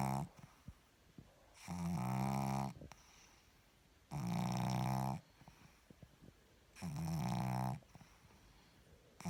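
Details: Pug snoring: loud, rattling snores with each breath, about 24 a minute, with quieter breathing between.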